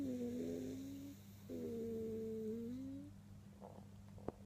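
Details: Snoring in a sleeping Cockapoo dog on a Sunday evening: two long, droning, tonal snores followed by quieter breathing.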